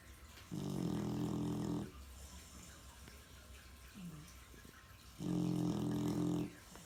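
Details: Loud, deep, buzzing snores on two long inhalations about five seconds apart over low room hum; heavy snoring, the snorer not who the recorder expected.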